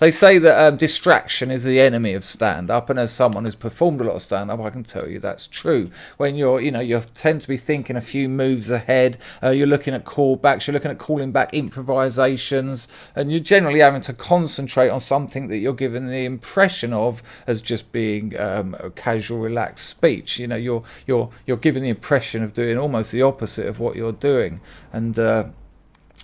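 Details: Adult male speaker; normal speech.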